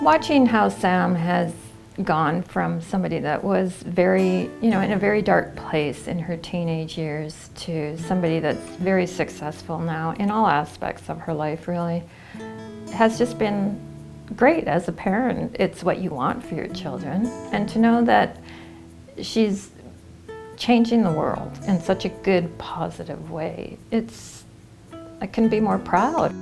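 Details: Adult woman speaking; normal fluent speech.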